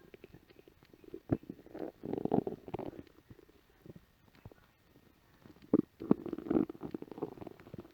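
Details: Adult home after work with an empty stomach after a light lunch: several loud gurgling, rumbling bursts with quiet gaps, ordinary stomach growling (borborygmi).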